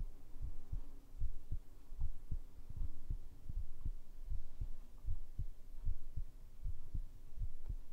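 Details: Normal heartbeat sound recorded for ASMR with a binaural microphone: steady, soft low thumps at about 77 beats a minute with a faint background hum.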